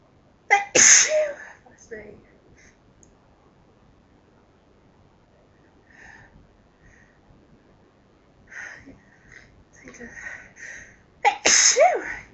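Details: Repeated sneezing by a person who can't stop sneezing: two loud, sharp sneezes, one near the start and one at the end, with soft murmured talk between them; others in the recording are loud or half stifled.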